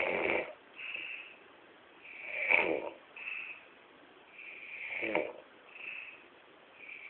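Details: Man asleep in a hotel room after drinking to celebrate, real recording: irregular snoring with rattling snorts and softer whistling breaths, about 24 sounds a minute, thin band-limited audio; snoring.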